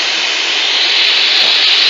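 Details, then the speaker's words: Steady, loud, continuous hiss of plain air from the nebulizer outlet of a Canta VH5 N Advance 6-litre oxygen concentrator, delivering no oxygen and used only for nebulizing medication; nebulizer outlet airflow. "นี้ก็จะมีลมเปล่าๆนะครับไม่มีออกซิเจนออกมานะครับใช้สำหรับพุ้นยาเท่านั้นนะครับ"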